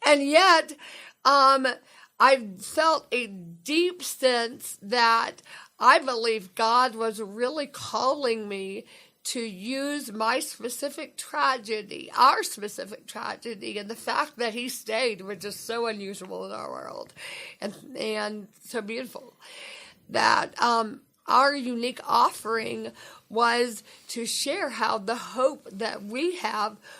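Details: Adult woman speaking; dysarthria with dysphonia (unilateral vocal cord paralysis after stroke).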